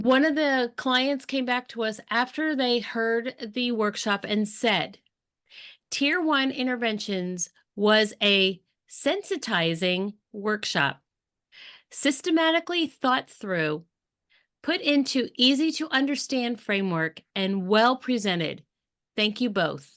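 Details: Adult woman speaking; Normal adult speech.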